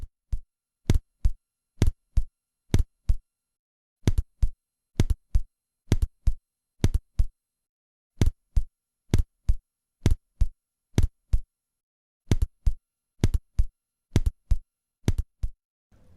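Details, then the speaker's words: Simulated split second heart sound over the pulmonary artery, about 65 a minute, second sound split into two close parts; a split over the aorta sounds identical. "расщепление второго тона на легочной артерии но и такой же будет звук если будет расщепление на ортит идентичное звучание"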